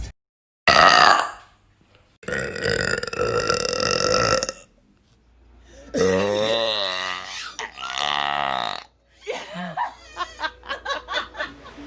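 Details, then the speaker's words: Girl making a series of loud, drawn-out burps, some with a croaky, wavering pitch, ending in a run of short rapid burps; belching. "Also, when I want to make tiny little burps, I just..."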